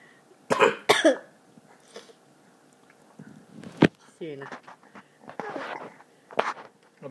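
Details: Several loud, harsh coughs and throat clearing from an adult father, with a child's laughter and light room noise between them; cough.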